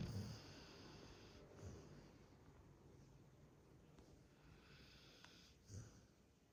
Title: Funny dog videos of a pitbull dog snoring while he is sleeping 😴